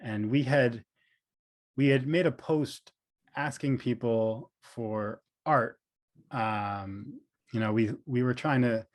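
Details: Adult man, speech therapist and professor who stutters, with audible part-word and word repetitions; stuttering.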